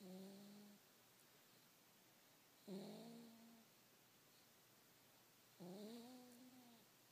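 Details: Sleeping cat giving three soft, drawn-out nasal snores, about 20 a minute, in a quiet room; snoring.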